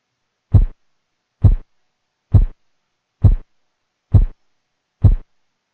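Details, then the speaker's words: Six regular low thumps at about 67 per minute: Korotkoff sounds heard with the stethoscope bell over the brachial artery as the cuff deflates at 2–3 mmHg per second; blood pressure was 120/80 mmHg. "the sounds called Korotkoff sounds the first sound that we hear it's systolic blood pressure and the last one it's dyastolic blood pressure"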